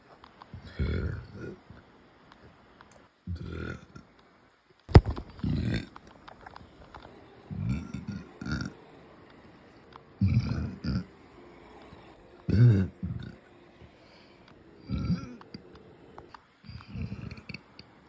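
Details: Eight or nine low, muffled closed-mouth burps at irregular intervals from a woman: burping, belching of swallowed air.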